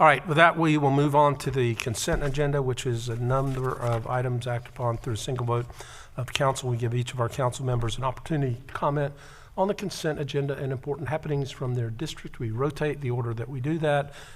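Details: Adult male speaker; Normal voice.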